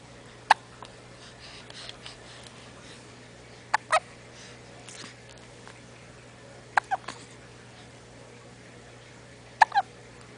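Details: Infant hiccups: four sharp, brief hiccups, some doubled, spaced a few seconds apart over a quiet room hum.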